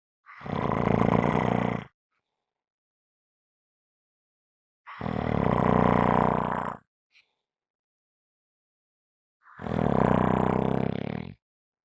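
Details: Three loud, rough snores, each about 1.5 to 2 seconds long, with silent gaps between, about 15 a minute; heavy snoring.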